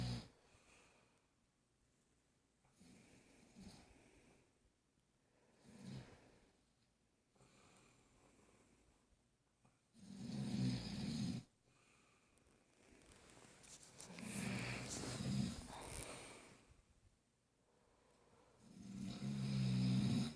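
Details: Snoring in a sleeping person, recorded while a baby was moving: low, rough snores repeating irregularly, about 14 a minute, with quiet pauses between.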